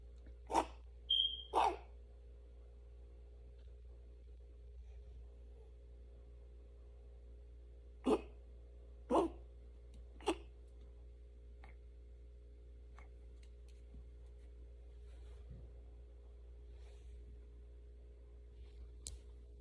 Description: 10 week old morkie with kennel cough 😷